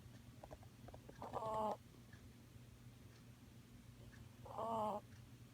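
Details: Two whistling, nasal snores about three seconds apart, near 19 breaths a minute, over a steady low hum, from a sleeping pet wrapped up like a burrito; ordinary snoring.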